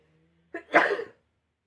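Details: A streamer sneezing: a short in-breath, then one sharp, explosive sneeze.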